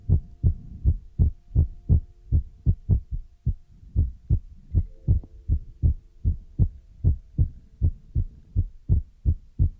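Regular low thumping beats at about 79 a minute, with a faint hum and light scratching behind; a steady heartbeat.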